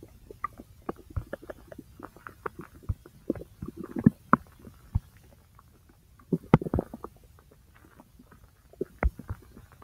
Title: Stomach Sounds (My Large Intestine - Part 1)